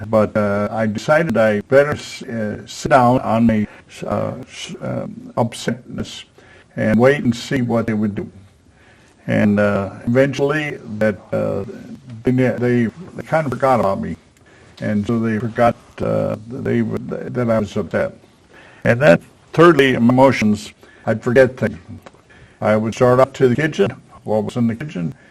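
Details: Man with aphasia after a stroke at age 73, previously in a professional career, attending an aphasia conversation group with a speech-language pathologist; real patient speech showing aphasia.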